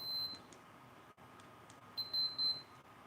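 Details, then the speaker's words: Enteral feeding pump alarm: short, high electronic beeps over quiet room noise while a son is on a tube feed during an indoor live show; the pump is then attended to. "Luke's on feed too so if we get some beeping lean back a little bit oh"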